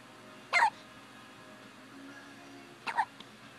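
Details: Hiccups: two short, sharp hiccup sounds about two seconds apart against quiet room noise.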